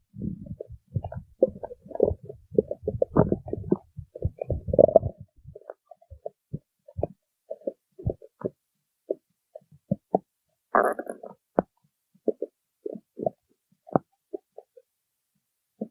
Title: stomach growling 11